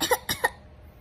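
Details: A young girl deliberately imitates a cough after being told not to: three quick, light, playful coughs in under half a second.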